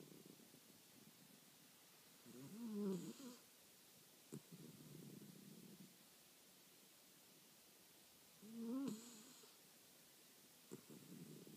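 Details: Two low, rattling snores about six seconds apart, with quieter breaths between them, in a quiet room; snoring.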